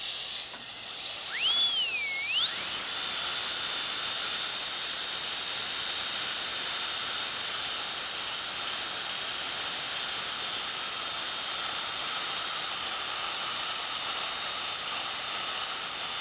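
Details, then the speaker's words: High-speed dental drill winding up to a steady whine over hissing water spray, cutting to amputate the distobuccal root of a maxillary first molar with periodontal bone loss; the other roots were endodontically treated. "We now begin by making the cut for the root resection."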